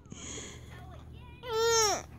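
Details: Infant upset by her hiccups: soft fussing builds into a loud, high, wailing cry that then falls away.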